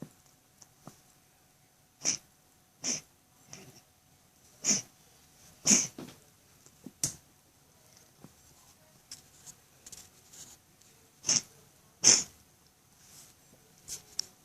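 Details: Siamese-Himalayan mix cat with veterinarian-diagnosed enlarged heart (cardiomegaly), heart lying against the sternum: about seven short, sharp, sneeze-like coughing bursts with faint wheezy breathing between.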